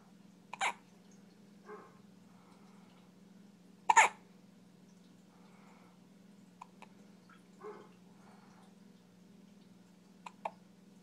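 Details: Hiccups in a 3-week-old infant.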